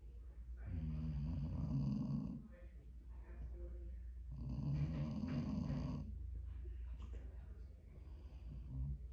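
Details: Dog sleeping after sedating sleepy meds, snoring: slow, low rumbling snores, about 13 breaths a minute.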